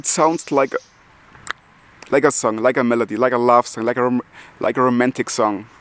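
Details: Adult German man with multiple sclerosis who stutters, speaking English as a non-native language; he says he stutters less in English than in German; stuttering.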